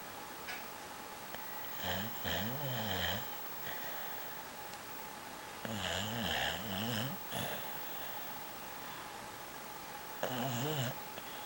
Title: My Dog Snoring away the whole night -Liu